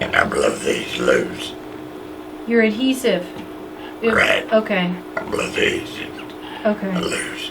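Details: Male laryngectomy patient using a tracheoesophageal voice prosthesis, with increasing difficulty voicing from significant granulation tissue around the prosthesis distorting the tract and a history of tracheitis; tracheoesophageal speech after laryngectomy.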